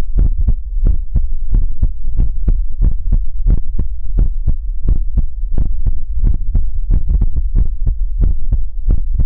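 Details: Heartbeat sounds in an ASMR recording: steady, deep thumps in paired beats under a low hum, roughly 130 to 140 a minute.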